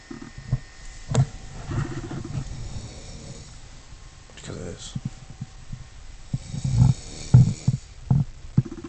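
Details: An adult brother sleeping at 3 a.m. snores loudly, with rough, low-pitched snorts in irregular bursts in a quiet room.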